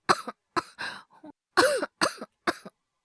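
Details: Performed, acted coughs by a male virtual YouTuber voice actor, with no dialogue: six short, harsh cough bursts in irregular succession, some rough and throaty; a compilation of coughing and hyperventilation voice clips, not a real cough.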